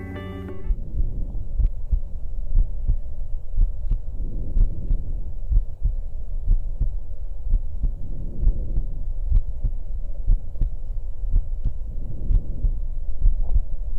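Very faint, muffled breathing barely rises above low chest-wall rumble while heartbeats thud through at about 63 a minute: diminished breath sounds.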